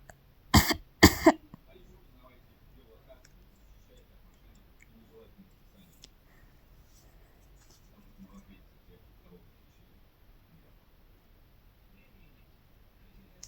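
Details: Two quick, sharp coughs close together, then a quiet room with faint clicks; said to be a caterpillar eating that "coughed", possibly because it wanted food; cough.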